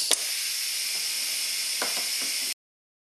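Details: Cycling of a pneumatic-only ventilator concept prototype, powered solely by compressed air with no electronics and built from off-the-shelf parts: steady hiss of compressed air with faint mechanical clicks.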